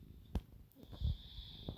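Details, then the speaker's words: Infant snoring while lying on a person: short low snorting breaths and soft snore from a blocked nose, over a steady background tone. "hopefully you can hear me okay over the baby moon snoring. I've got baby moon snoring on me, and I've got the cat lying on me as well"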